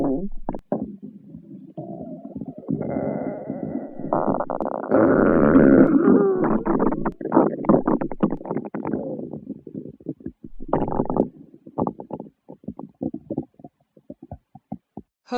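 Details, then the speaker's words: Ordinary stomach growling (borborygmi): loud gurgling, rumbling and bubbling with squeaky stretches and quick popping bursts. "hello boys and girls listen to the sound of my stomach growling"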